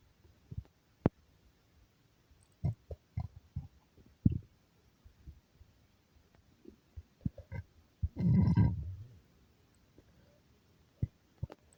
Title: stomach growling